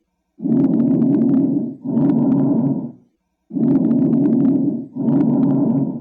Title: Bronchial breath sounds